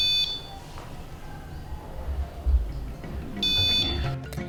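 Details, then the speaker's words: Two short, high-pitched electronic alarm tones from a pulse oximeter when the sensor is unplugged during a preventive-maintenance alarm check: sensor-disconnected alarm. "L'autre alarme qu'on vérifie, c'est lorsqu'on débranche le capteur. Notre appareil déclenche une alarme pour nous indiquer que le capteur est déconnecté."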